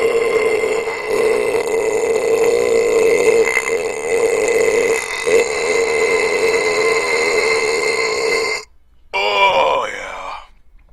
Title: CLASSIC LONG BELCH VIDEO BURPING LIKE A BOSS SINCE 2010